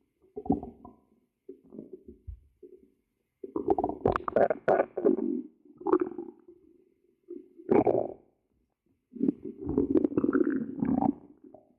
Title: Stomach growl.My tummy’s hungry.